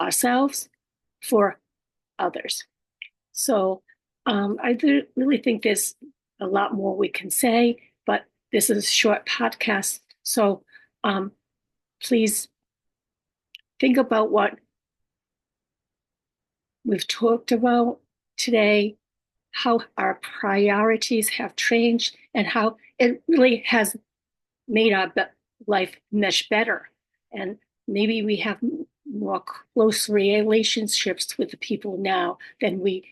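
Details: Adult female stroke survivor living with aphasia, apraxia of speech and dysarthria. Aphasia.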